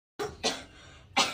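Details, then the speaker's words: Three short, sharp coughs in quick succession from a child indoors in a kitchen; the child says their throat is itchy, the cough is already somewhat better, and they are cooking. "Ini tenggorokan adik gatal kali. Jadi, adik batuk-batuk enggak enak."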